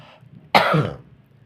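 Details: A single harsh cough with a throat-clearing quality in a quiet room, during a puppetry entertainment performance by a puppeteer said to be suffering from a cough.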